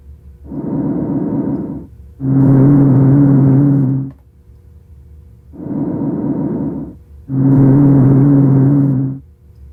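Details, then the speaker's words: Low-pitched, rumbling, snore-like sounds on each breath from mucus secretions adherent to the large bronchial walls; rhonchi (sonorous wheeze), typical of chronic or acute bronchitis. "Roni is a sound that is heard in the larger Airways and is caused by mucus secretions adherent to the bronchial walls it is also called a sonor we and could sound like snoring"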